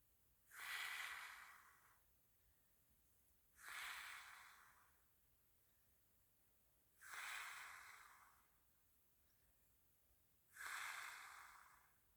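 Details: Sleeping person snoring: four noisy, hissing, snorting breathy snores with quiet gaps between them, about 18 a minute.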